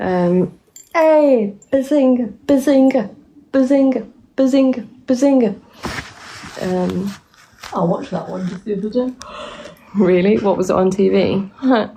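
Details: 24-year-old woman with Tourette syndrome diagnosed at 20, on a really bad tic night with neck straining and tics constantly interrupting her sentences; repeated "Mm" vocal tics; vocal tics (Tourette syndrome).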